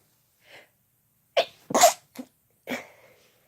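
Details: Sneezing together by a man and a woman, two adults in a quiet room: a soft sneeze followed by several sharp, explosive sneeze bursts.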